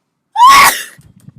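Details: Young woman sneezing: a rising in-breath 'ah' then one explosive burst of air, fading quickly; a single sneeze.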